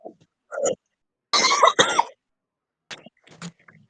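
A few harsh, chesty cough bursts with throat clearing, then softer coughs in a quiet room; a heavy smoker's cough.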